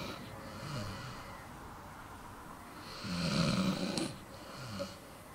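Soft, low snorts and snuffles from a sleeping dog over a steady background hiss. Gentle snoring.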